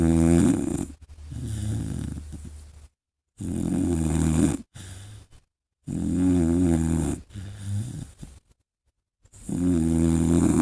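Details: Great Dane puppy snoring loudly: rough, rattling snores on each breath, about four cycles with quiet gaps between.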